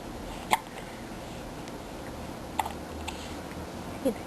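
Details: A 5-week-old baby girl with hiccups: brief, abrupt hiccup sounds recurring every two seconds or so over steady room noise; hiccups.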